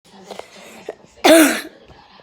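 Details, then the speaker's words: Person with a really bad cough: coughing. "I have a really bad cough, and I will not upload because I have a bad cough."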